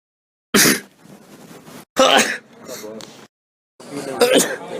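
Three sudden explosive bursts, each followed by a short trailing breathy sound, fitting a run of sneezes.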